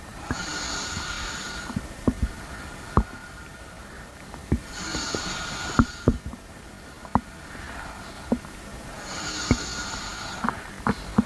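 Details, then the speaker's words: Stomach noises recorded for relaxation and sleep: scattered short clicks and gurgling pops of bowel activity, with slow breathing at about fourteen a minute; bowel sounds (borborygmi). "so today we are going to be doing a grumbling sound as usual."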